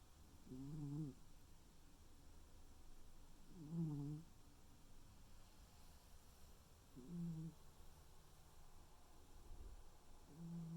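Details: Sleeping male tuxedo cat snoring gently: soft, buzzing breaths about every three to four seconds, roughly 18 a minute.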